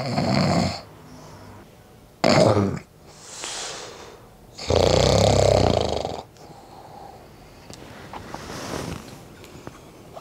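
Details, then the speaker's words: Adult snoring loudly asleep after an adjustable anti-snoring mouthguard fell out minutes after falling asleep: three strong, rough snores in about ten seconds with quieter breaths between. "牙套掉了之后，我就开始打呼，所以大家可以听到非常的大声。"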